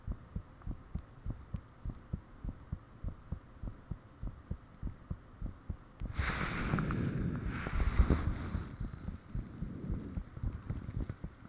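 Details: Self-recorded own heartbeat with fan off, taken shortly after heart began feeling unusually thumpy; fast steady beat about 110 a minute, rushing noise midway partly covering it. Heart sounds.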